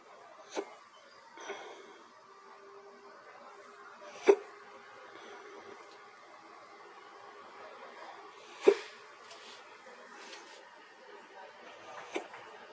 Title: Another episode of hiccups